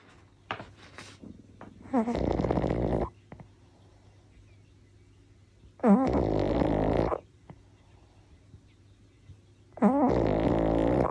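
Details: Pug sleeping with its owner: three loud rattling snorts roughly every four seconds, with quiet breathing between; snoring and snorting.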